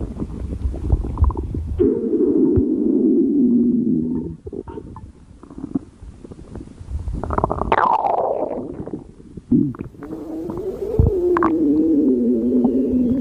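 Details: Stomach growling: long, loud gurgling growls with wavering pitch separated by a quieter stretch; ordinary stomach rumbling (borborygmi).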